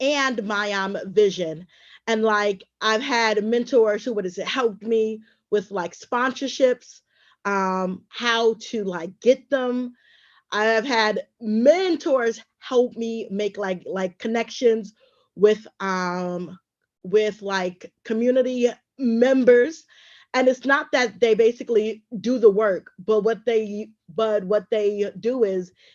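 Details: Adult woman who stutters and is also a traumatic brain injury survivor, with pauses; stuttering.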